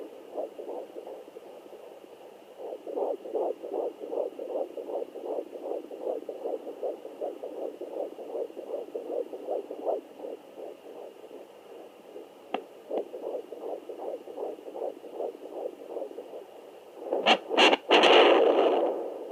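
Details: Rapid, steady whooshing pulses of a normal fetal heartbeat picked up by a fetal Doppler.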